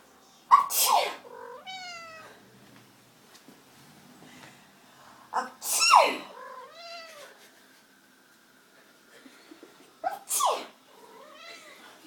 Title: Fox and sneezing